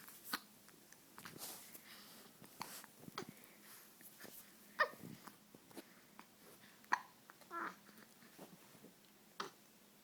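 Soft, abrupt little catches recurring irregularly, about four in ten seconds, over quiet breathing; infant hiccups, a common harmless event.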